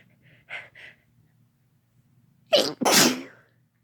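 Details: A loud, explosive two-part sneeze follows soft breaths building up, then "bless you" exchanges; sneeze.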